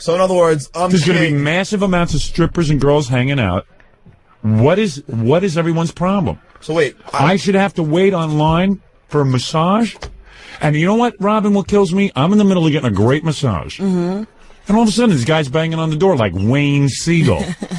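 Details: Adult male speaker; ordinary speech.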